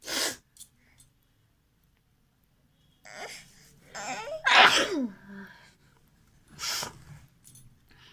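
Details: Sharp breath in, then loud vocal sneezes and a few smaller sneezes in a quiet room, from a sneezing and nose-blowing challenge; sneezing.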